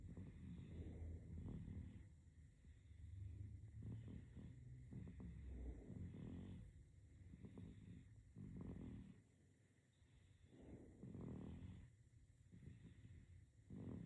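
Soft, low rumbling breaths that rise and fall with sleep breathing, about 24 a minute, with a steady room hum behind them: infant snoring.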